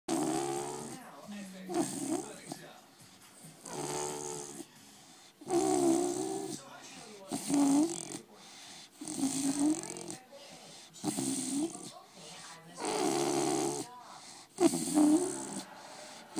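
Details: A sleeping blue Staffy puppy snoring loudly: rhythmic nasal snoring at about 30 breaths a minute, with squeaky whistling on each breath.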